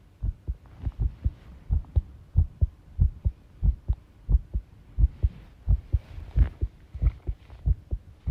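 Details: Heart sounds recorded while the person tidies a room, ASMR, stated to include arrhythmia; heartbeat about 90 a minute with uneven spacing between beats, faint room rattling behind. Heart sounds with arrhythmia.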